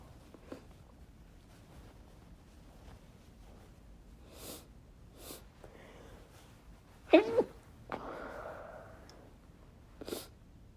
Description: Decided to try my hand at stifling chhinkni sneezes. It was a bit hard and a few slipped out.